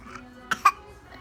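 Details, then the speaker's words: Cough, described as a bad cough, with repeated coughing bursts; recorded 3/29/17. "oh yeah do you have a bad cough oh oh you have a bad call for you okay are you okay that's a bad cough oh"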